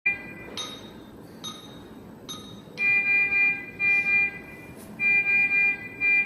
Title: #icu sound ❤️ .. in medical profession 😊#nurseryrhymes #nurse #icunurse #icu #medicine #nurselife